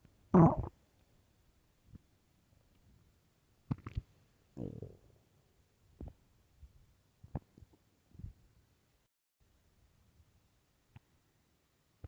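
Scattered soft gurgles and a few louder rumbles with quiet gaps between; ordinary stomach growling.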